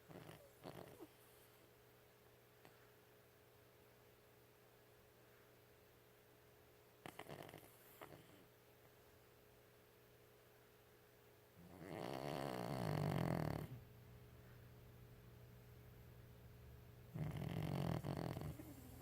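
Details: A 13-year-old Chihuahua snoring loudly while asleep: loud, rumbling snores, two long breaths in a quiet room; ordinary snoring, loud enough that the TV must be turned up.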